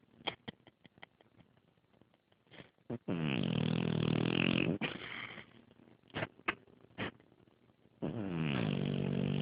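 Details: A pet snoring while asleep: quick sniffing snorts, then two long, loud, rattling snores from the nose and throat.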